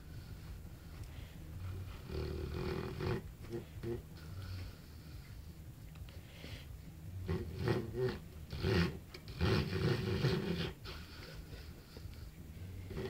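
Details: Low, rumbling, uneven breathing noise swelling and fading over several breaths from a sleeping Bullmastiff dog moving in his sleep: snoring.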